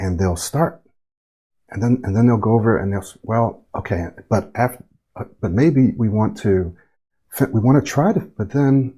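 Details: Speech coach's demonstration of choppy, self-interrupting start-and-stop speech from unfinished words and thoughts and broken airflow, a pattern described as often linked to stuttering or stammering; choppy, self-interrupting speech.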